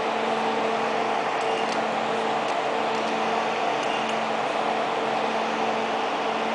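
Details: Loud steady hum with faint intermittent clicks: 1064nm long-pulse Nd:YAG laser running during hair removal.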